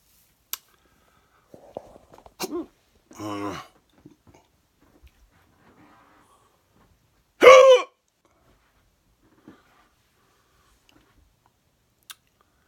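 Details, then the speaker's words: A few abrupt, jerky voiced gulps separated by silence, one loud, from a person with very odd hiccups who thinks they ate too fast; hiccups. "I think I ate too fast. Uh, well, that didn't work. Got the weirdest hiccups ever."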